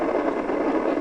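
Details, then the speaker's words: Normal full EMG interference pattern at maximum voluntary effort in the abductor pollicis brevis, recorded on a Natus Synergy needle EMG system: dense, continuous roaring static with a slow sweep and cascades displayed. "And now I'm going to the maximum effort. And again, you can see a slow sweep on the left side. And then here are the cascades and so forth."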